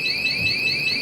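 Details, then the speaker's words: Loud, steady high-pitched electronic alarm from an anesthesia ventilator (Hallowell), sounding during setup and leak check when the pressure transducer is not connected. "you're going to hear a screaming sound that is going to make you panic but don't panic this is what you're going to learn okay on that is the sound that you will hear"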